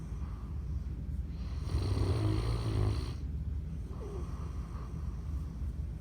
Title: Zeus snoring